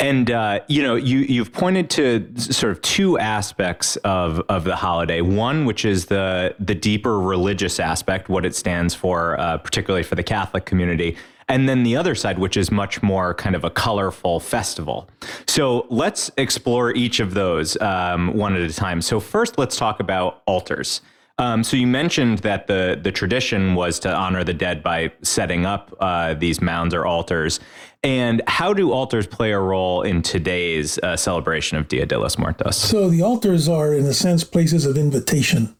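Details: Adult male speaker, interview; ordinary speech.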